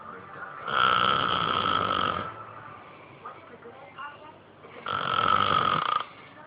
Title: snoring @ it's best